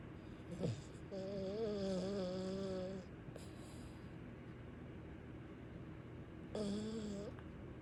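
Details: Long, droning snores with a buzzing, tonal quality, two drawn-out inward snores separated by quieter breathing; ordinary snoring.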